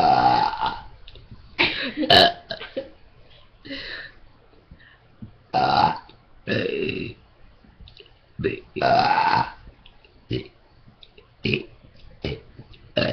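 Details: Burping contest: series of loud, deliberate, drawn-out belches of varying length with voices and laughter between.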